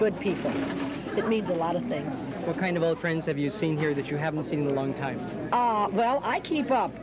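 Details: Adult speakers, interview; normal voice.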